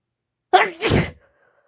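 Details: A single sneeze from a female (F), with a brief voiced intake then a sharp explosive burst of air.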